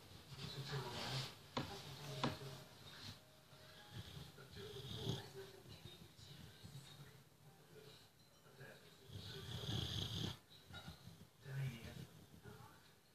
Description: Phil is a cute boxer dog and he snores every day.